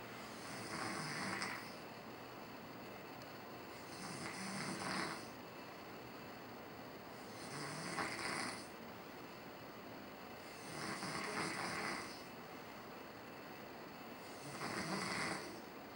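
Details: Person sleeping at home during vacation, typical snoring: five rasping, regular breaths, about 18 a minute, each a rough rattling sound with quieter pauses between.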